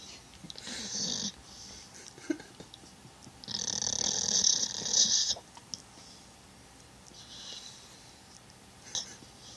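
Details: Sleeping dog snoring: hissy, noisy breaths in a few irregular bursts over quiet room noise.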